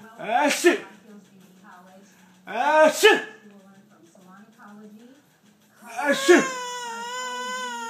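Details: An infant cries after being frightened by dad's pretend sneeze: three short, rising-falling cry bursts, the last drawn out into a steady wail, with room noise between.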